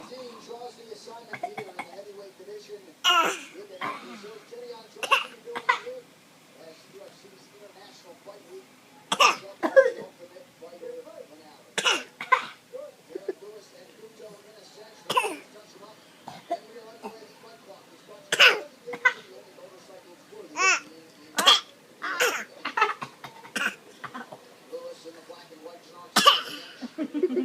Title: imitating coughing